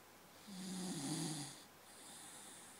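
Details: Snoring at home in the morning: a single soft, buzzing snore on inhalation, then a quiet exhalation.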